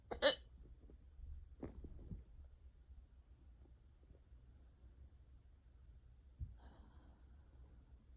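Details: Unusually severe, long-lasting hiccup bout: sharp sudden hiccup at the start, then two softer ones, in a quiet room; hiccups.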